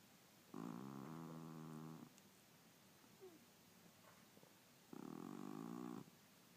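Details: Snoring: two rattling, purring snores, each lasting one to one and a half seconds, with quiet between them.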